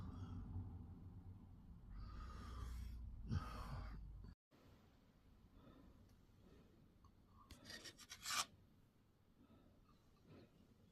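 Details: Snoring in a sleeping adult man: loud, low, rough rattling breath noise during sleep, then quieter breathing.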